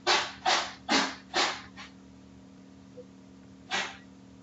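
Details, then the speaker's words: Cat sneezing in the background during a spoken computer tutorial: a quick run of four sharp, hissing bursts, then a fifth fainter one and another a few seconds later. "Okay. If you hear that in the background, that is my cat sneezing."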